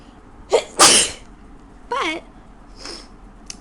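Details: Person with a bad cold at 3 a.m., repeated sneezing: a quick in-breath, a loud explosive sneeze, then a shorter voiced sneeze and a faint third.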